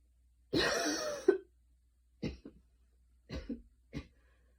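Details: Light cough after a ~10-minute super fast run in light rain: one longer cough followed by three light, short coughs.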